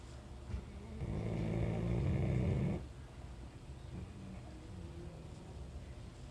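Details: Labrador retriever snoring very loudly while asleep; snoring.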